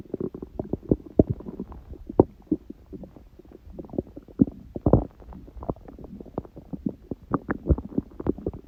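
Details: Stomach growling recorded at 1:30 am, about six hours after eating too much udon, owner suspects reaction to gluten after a long break; rapid gurgling and bubbling bowel sounds (borborygmi).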